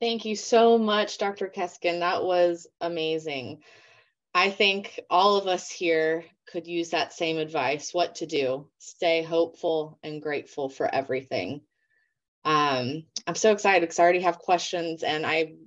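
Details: Adult woman speaking; ordinary speech.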